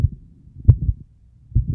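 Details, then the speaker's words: Dog's heart through a veterinarian's stethoscope: two muffled heartbeats with a soft shushing sound; a newly found heart murmur, and a later echocardiogram showed early heart disease. "do you hear the little sh there it's not quite clear so in making this video i actually diagnosed a new heart murmur in my dog"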